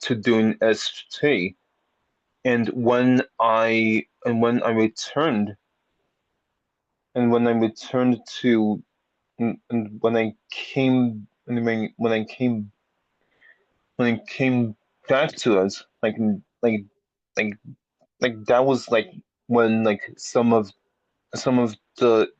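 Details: Lifelong stuttering in an adult speech-language pathologist who stutters; speech with repetitions; stuttering.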